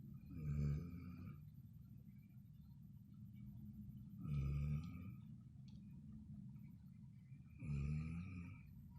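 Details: Sleeping person snoring: three loud, deep, rumbling snores on inhalation, about 16 a minute, with quiet stretches between; ordinary heavy snoring.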